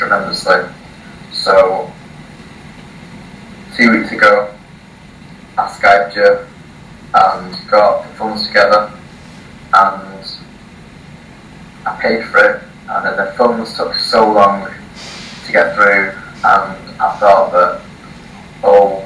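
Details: 18-year-old male from the UK who has stuttered since early childhood, first seeing a speech therapist at age 4, reading a passage aloud before a 3-day speech course; blocks and repetitions; stuttering.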